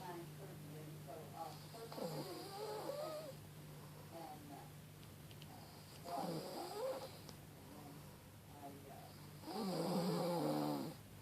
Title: My grandma snoring